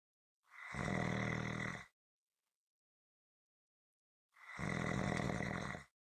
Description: This is a 7 minute clip consistant rhythmic snoring.